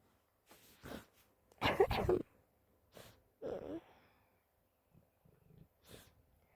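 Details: Run of small sneezes from a person who has the flu: several soft, breathy bursts and one stronger double burst, with quiet sniffs between.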